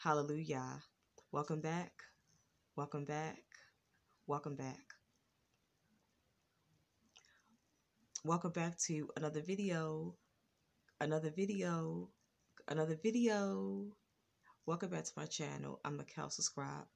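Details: Stuttering in an adult woman with a lifelong stutter she expects to keep, now more controlled and worse when she is excited; she describes pauses, ticking noises and throat locking on stuck words.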